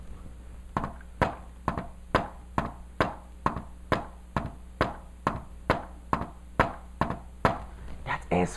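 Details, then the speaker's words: Simulated heart sounds: an extra S4 just before S1, so close to S1 it is easily missed, with a "Tennessee" cadence; an S4 gallop from a stiff left ventricle. "now S4 is so close to S1 that when I do it real fast you might not even notice"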